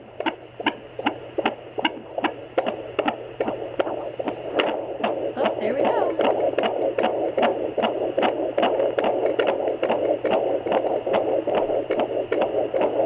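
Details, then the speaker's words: Home fetal Doppler on a pregnant woman's abdomen: rapid, regular whooshing fetal heartbeat, first about 130 then 148 beats a minute; baby moving, with bumps from fetal movement and thunder in the background. "usually the heartbeats around like 150 right now I'm around 130 so I'm seeing if I can get a better better area"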